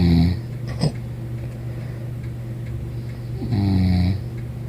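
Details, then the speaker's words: Sleeping woman gives two deep, rumbling, voiced snores a few seconds apart over steady room hum; snoring. "Yeah, you snoring. Yeah, you was snoring, and I'm gonna show it to everybody."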